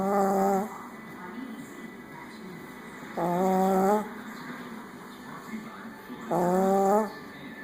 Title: Snoring Bones